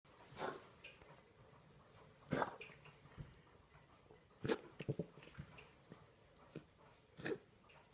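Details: Dog coughing: about five short, harsh cough bursts, spaced irregularly, with quiet breathing between them, in a small room.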